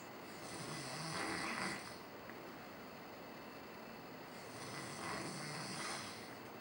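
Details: Person sleeping, described as his typical snoring: two soft, rough breath noises about four seconds apart over steady background hiss; quiet snoring.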